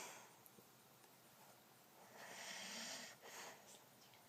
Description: Somebody insisted that all the voice memos I recorded of him snoring were not him... Can't deny this VIDEO!! =)